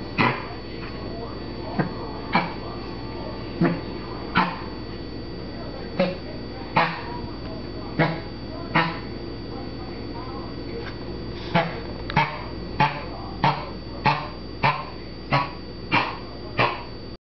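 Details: Dog with a long series of short, harsh, hacking coughs over a steady background hum.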